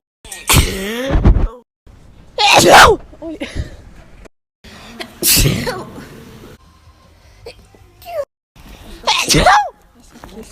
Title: hella funny sneezing compilation